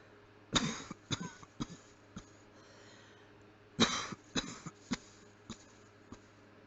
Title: Closed mouth coughing